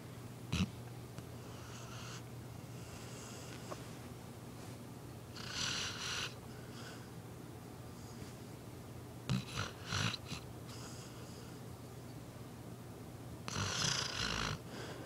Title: Dog snoring (Carlie)